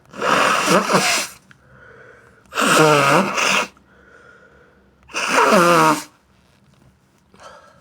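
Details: Three loud, forceful sneezes onto the hand, induced with tissue paper, with quieter sniffing between, from an adult with a bad sinusitis attack and a sore, itchy nose.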